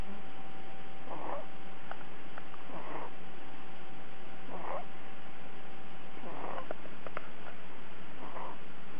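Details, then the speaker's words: Snoring from a sleeping baby. "Is he snoring? Mm-hmm. He's snoring? Okay."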